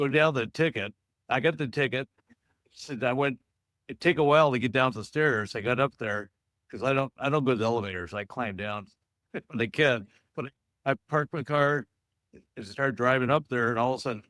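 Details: Man in an aphasia support group for stroke survivors, with repetitions and disordered phrasing; finding: aphasia.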